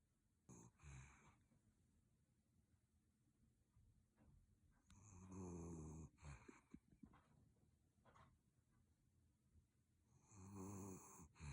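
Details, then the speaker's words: Three low, rattling snores from a sleeping Miniature Schnauzer dog in the morning, about five seconds apart (roughly twelve breaths a minute), with quiet breathing between them; snoring. "朝中だった今朝の僕いびき聞こえる"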